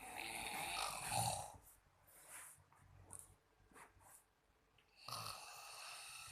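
Soft, noisy snoring breaths with a hiss and faint snorts between them, partly masked by room noise.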